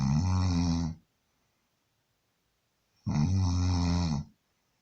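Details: An adult man gives two loud, rumbling, low-pitched snores about three seconds apart, each lasting about a second, with silence between them: heavy snoring.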